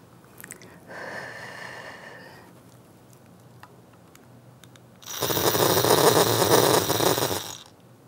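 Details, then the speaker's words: HandiHaler dry powder inhaler, correct technique demonstrated by a pharmacist: soft exhalation away from mouthpiece, pause, then long strong slow deep inhalation with rattling buzz of the spinning pierced capsule. "Put the mouthpiece between your teeth without biting, and then your lips to form a good seal. You then breathe in slowly and deeply."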